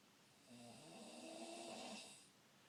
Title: Snoring!